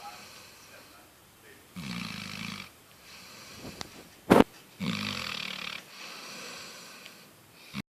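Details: A dog snoring in its sleep: rattling, buzzing snores on two breaths in, with a brief snort between them.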